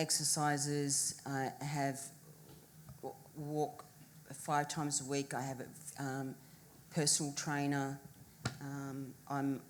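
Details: Adult woman who has had three strokes, one linked to a PFO present since birth; speech is her main deficit, with community rehab for 8 months and a return to work on reduced hours; post-stroke aphasia.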